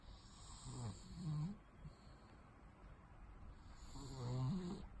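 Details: Sleeping pet cat snoring: rhythmic snoring breaths during sleep.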